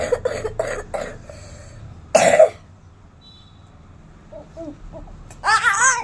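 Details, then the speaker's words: Repeated cough in a child who has been coughing again and again and won't take the syrup, heard as the throat is warmed with a handkerchief: four quick coughs, a louder single cough, then another burst, about six in all. "दोस्तो हमारे का वो हो रहा था खांसी खांसी आ रहा था तो इसीलिए हम इसको थोड़ा गला व करी हूं"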